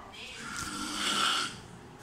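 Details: Very loud snoring from a man asleep in a dining room at 5 a.m., compared to a cicada in the background.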